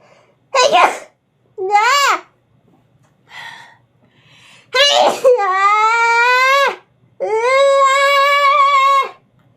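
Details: Adult female streamer gives two sharp, explosive sneezes, each followed by long drawn-out vocal sounds, with a short voiced catch between them.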